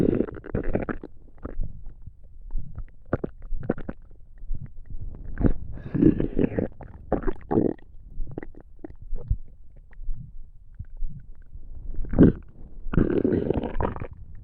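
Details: Digestion stomach noises: low gurgling and rumbling bursts from the belly, ordinary bowel sounds.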